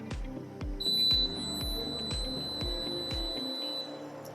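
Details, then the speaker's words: Steady high electronic tone with rhythmic low mechanical pulsing: a DeVilbiss 1025 oxygen concentrator starting up, before its high-flow alarm (flow above 10 L/min) is demonstrated. "and for now I will demonstrate to you the high flow alarm so I will turn on the concentrator"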